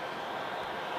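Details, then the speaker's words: Lowenstein Medical CPAP machine, hospital-issued for the user's sleep apnea, running with the mask set aside: steady airy rushing with a low hum; CPAP machine running. "not really noisy now that that's where the filters are there at the back to hear that it's not that noisy when when it settles down"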